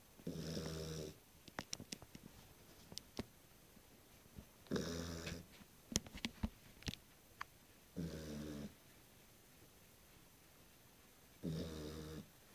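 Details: Four rhythmic buzzing snores, about one every three to four seconds, with soft clicks and rustling, from a Beagle sleeping on its first night home; snoring.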